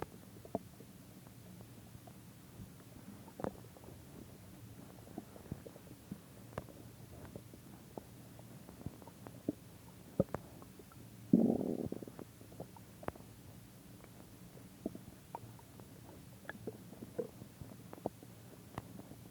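Quiet recording with scattered soft gurgles and pops and one longer rumbling growl midway; ordinary stomach growling.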